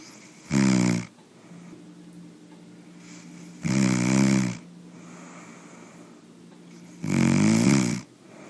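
Three loud, rattling snores about 3 seconds apart, roughly 20 a minute, with a quiet steady hum between them. Ordinary snoring.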